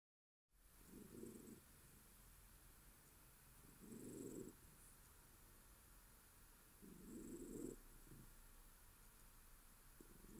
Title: Bun-Bun snoring